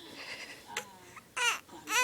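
Brief, high-pitched crying bursts from a young child in a small room.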